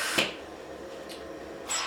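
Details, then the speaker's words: Hamilton T1 ventilator pre-op tightness (leak) test: patient disconnected and the circuit end occluded; soft airy hisses as the ventilator pressurises the sealed circuit and checks for leaks anywhere along it. "so while your occlude to circle in the club time or I can put the just cover back into the circus and you hear the ventilator looking for these anywhere along"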